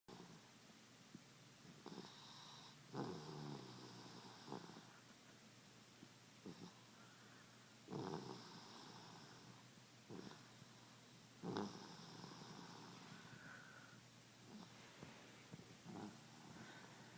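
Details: Snoring while napping: soft, irregular snoring breaths with snorty noise bursts in a quiet room, about 17 breaths a minute, uneven in strength.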